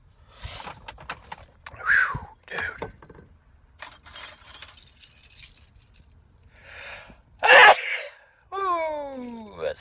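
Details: Sneeze in a sneezing compilation with many sneezes in a row: breathy build-up and quick inhalations, then one sharp explosive sneeze and a drawn-out vocal sigh; normal sneeze.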